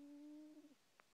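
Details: Quiet snoring in a sleeping male cat: a soft, steady whistling breath that wavers and flutters as it fades, then a faint click.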